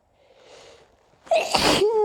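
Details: A soft indrawn breath, then one loud explosive sneeze with a voiced tail after trying to hold back a fit of repeated sneezes.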